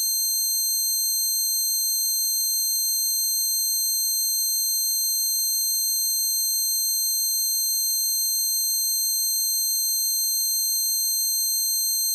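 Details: Steady layered high-pitched ringing tones with a faint pulsing murmur underneath; a simulation of one person's long-standing tinnitus, which began after standing right by an amp at a concert.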